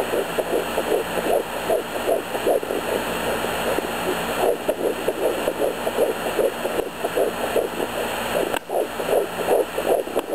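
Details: Home fetal Doppler at 11 weeks pregnant: fast, regular whooshing beats about 150–160 per minute over static hiss; two different-sounding heartbeats found, one 162 bpm and one about 150 bpm, possible twins suspected, only one sac seen at 5 weeks 6 days.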